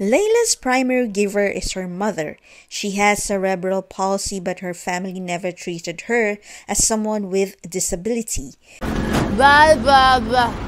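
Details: Adult narrator; normal speech.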